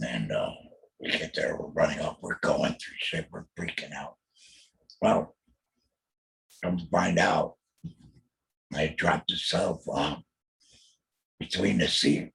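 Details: Alaryngeal speech from a real adult male laryngectomee after a total laryngectomy in 2020 for laryngeal squamous cell carcinoma, followed by chemotherapy and radiation; he mentions using an electrolarynx.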